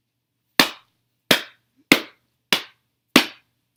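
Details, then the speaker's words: Person with Tourette syndrome and over 50 tics, wearing gloves because clapping tics made the hands raw: five sharp, sudden hand claps in a short burst; clapping motor tic. "if I um have about of clapping or slapping ticks then I will have a hitting one as well but yeah I wear the gloves to protect myself U my clapping ones were making my hands really raw and hurt a lot"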